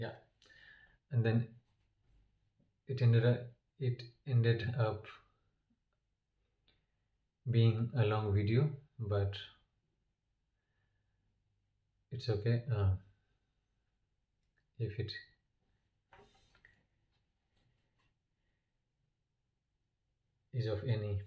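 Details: Adult man who stammers, with blocks and word repetitions; stuttering.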